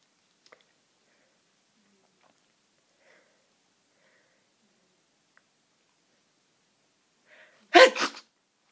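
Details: A sharp intake of breath, then one forceful, explosive sneeze after near silence, in a person with hayfever and a cold having powerful sneezes. Sneeze.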